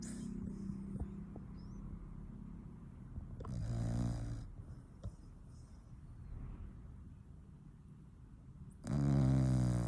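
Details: Sleeping pet dog snoring: low rumbling snores with steady room noise, loudest near the end.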